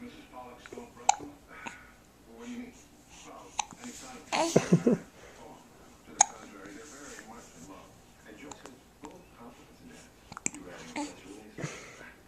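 Several sharp, brief hiccup clicks at irregular gaps, mixed with soft talk and breathing; ordinary hiccups.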